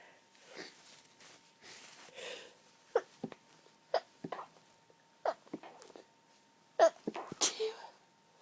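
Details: Allergy-related sneezing from a tickling sensitive nose: soft breathy build-ups and false starts, then several short muffled sneezes held back through closed nose and mouth; stifled and half-stifled sneezes.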